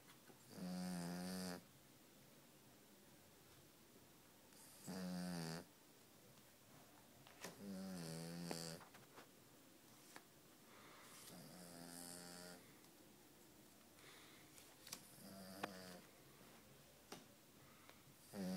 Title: She's snoring